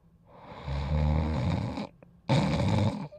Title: Dodger Sleeping & Snoring Part 3